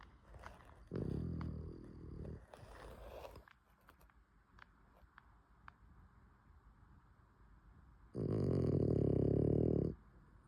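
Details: Loud, rattling snorts on two breaths separated by a quiet stretch, noisy snoring through a narrowed airway, from a sleeping French Bulldog: snoring.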